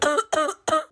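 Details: Simulated cough in a Spanish-language comedy skit, blamed on air conditioning: three quick, dry, tight coughs in a row.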